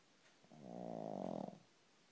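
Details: Pug snoring while lying on the owner's foot: a single drawn-out, buzzing rattle of about one second; snoring.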